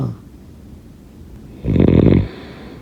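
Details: One loud, low, rattling snore on breathing in, between quiet breaths; ordinary snoring.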